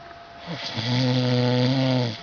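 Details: Father snoring while asleep, before being woken; one long, loud, low, buzzing inward snore in a quiet room.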